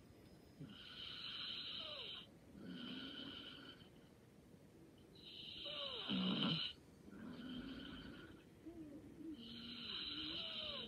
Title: Light snoring and sleeping soundly😴